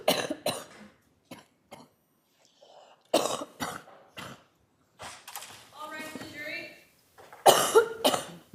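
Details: Adult woman coughing in a courtroom as jurors enter: several short, dry cough bursts with faint voices and room noise between them.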